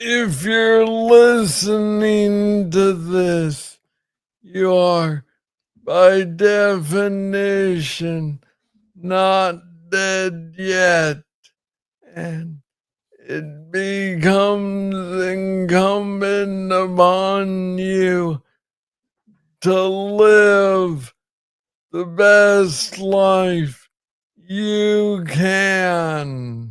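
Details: Man with Parkinson's disease, diagnosed in 2014 at age 35 after it was first misread as tennis elbow; real conversational speech with slow rate and long pauses; Parkinsonian speech.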